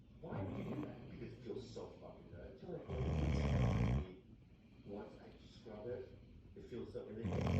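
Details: Man snoring after a long hard day at work: low, rumbling snores on irregular breaths with one loud long snore in the middle, faint talk in the background.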